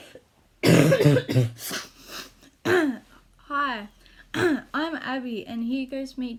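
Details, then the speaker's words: A quick run of harsh, dry cough and throat-clearing bursts, then brief voiced sounds, from a patient with five years of chronic habit cough, coughing what feels like a hundred times per minute: habit cough. "to kill my habit cough with just dr. Weinberger's suggested therapy"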